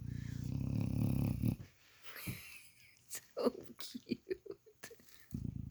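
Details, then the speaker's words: Male dog sleeping on his pillow, snoring loudly: a low rumbling snore on a long breath, then snuffling and short snorts. "I'm loving you on your little pillow. How cute are you? Snoring away."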